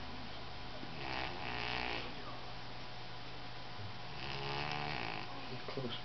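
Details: A sleeping pet cat snoring louder than normal: two loud, rattling snores, about 19 breaths a minute, over a steady low room hum.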